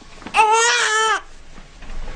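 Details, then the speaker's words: Newborn baby boy, swaddled in a wrap and not yet calmed, before being turned on his side: one loud, shrill, sustained wail under a second, then quiet; typical infant cry. "They make one big shrieky sound no matter what the problem is."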